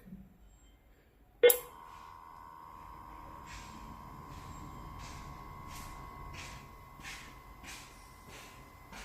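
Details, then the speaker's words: Cardiac monitor NIBP after repair, with its faulty pump motor replaced: a click, then a steady motor whine with rhythmic hissing pulses as the cuff inflates normally and now completes a reading. "Okay na gumagana na ulit Ito pala guys ang motor na naging sira ng nibp natin kaya hindi siya ah nagtutuloy sa pagbigay ng reading"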